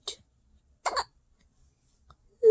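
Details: Baby during tummy time, trying to lift head: two brief sharp hiccups about a second apart in a quiet room, then a soft vocal sound.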